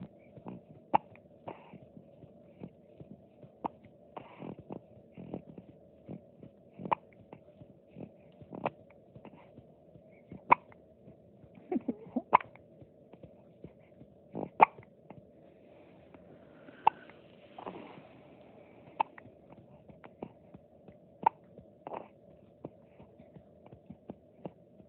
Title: Poor Has The Hiccups